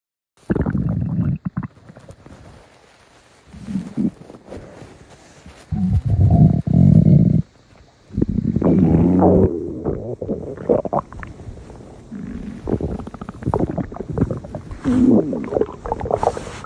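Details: Repeated long, low, groaning rumbles and gurgles with squeaky rising tones between them. Loud stomach growling (borborygmi).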